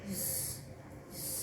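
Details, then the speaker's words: A breathy rushing whoosh made by voice, imitating a bruit heard with a stethoscope, like rushing water; its presence is abnormal. "gitu ya. Seperti desiran air, itu berarti positif ya, atau dia abnormal, harusnya nggak boleh ada ya."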